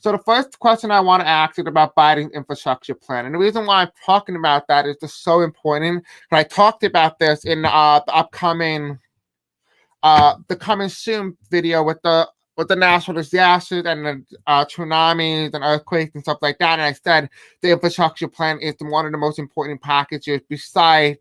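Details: Deaf male speaker with a self-described deaf accent who reports difficulty pronouncing certain words; deaf speech (deaf accent).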